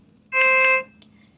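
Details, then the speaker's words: Single sharp electronic tone of about half a second in a quiet room: audible alarm of a GE Healthcare B40 patient monitor during alarm limit setup in a training demonstration. "aside from these three the alarm light on the frame of the monitor also flashes during an alarm while the alarm light is flashing on the screen you will also hear the audible alarm on the monitor"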